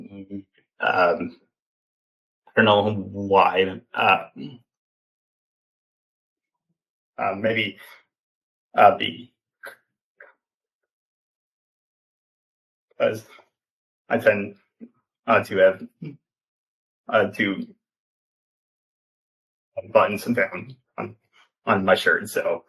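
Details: Stuttering in a 28-year-old man, an open stutterer, with repetitions and filler "um" insertions; he has stuttered since childhood and had speech therapy as a child.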